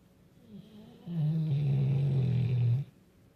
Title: Great Dane snoring loudly